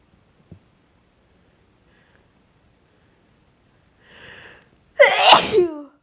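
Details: Deliberately induced sneeze with a very sensitive nose, person suspects they may be getting sick; quiet catching inhale, then one loud, explosive sneeze with a voiced cry.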